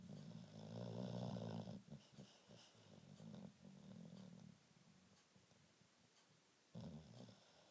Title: Snoring